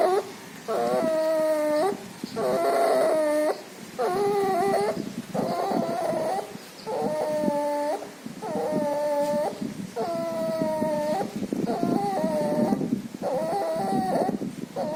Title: Puppy has pneumonia and distemper. Loud breathing noise and nasal discharge.